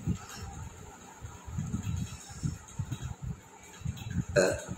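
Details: Short abrupt hiccup gulps at irregular intervals with a louder burp near the end; real hiccups after eating two very hot chillies without drinking water.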